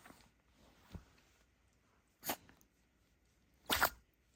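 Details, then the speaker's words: Dog with a sneezing fit, later found to have a dust particle in its nose that was removed: a soft snort, then two sharp sneezes in quick succession. "Oh, it's just something stuck in your nose. Are you okay? Oh no. Bless you."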